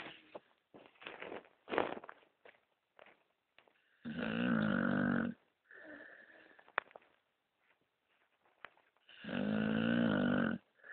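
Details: Bulldog snoring loudly: two loud, buzzing, drawn-out snores with snuffly breaths and soft snorts between them.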